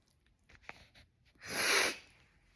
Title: How to sneeze nonstop! (Part 31)